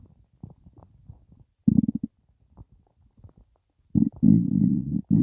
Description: Nothing in here just gas